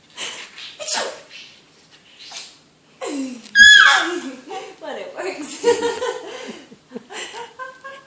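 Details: Parents sneezing in a contest to make their baby laugh: a loud, explosive adult sneeze followed by laughter and chatter.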